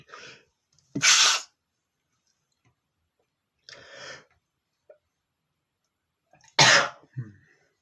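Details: Male sneezing, trying to hold sneezes back: two loud sneezes with softer, partly suppressed ones between them over about eight seconds, ending in a short groan; repeated sneezing.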